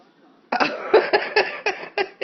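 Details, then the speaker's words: Child's coughing fit on request from his mother: about seven short, harsh bursts in a rapid run after a brief quiet moment. "you got bad cough oh is that a bad cough bad bad cough let Mama hear your bad cough"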